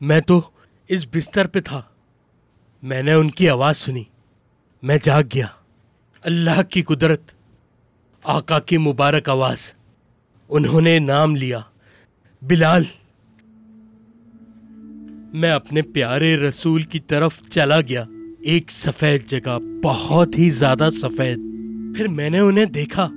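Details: Adult male narrator; normal speech.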